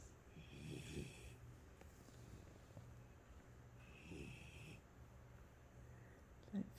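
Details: Gabe sleeping, said to snore like his father: soft, low rumbling snores with whistling nasal tones about three seconds apart in quiet room noise; snoring.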